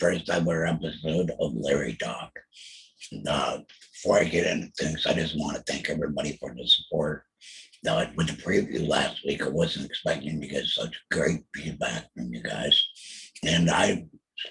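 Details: Alaryngeal speech from a real laryngectomee after a total laryngectomy in 2020 for throat cancer, followed by chemotherapy and radiation.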